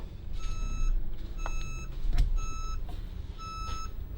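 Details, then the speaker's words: Old, uncalibrated heart rate monitor in an abandoned building, alarm sounding until reattached and the pulse reading returns: repeated high electronic beeps in short bursts over low rumbling room noise; pulse monitor alarm. "Oh, I saved us. My pulse is back. We stopped the alarm from going."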